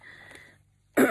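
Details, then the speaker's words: After a quiet moment with a faint high hiss, one sudden loud cough bursts out and is cut short. "And that, my folks, you shouldn't be smoking because you can hear me coughing and stuff like that."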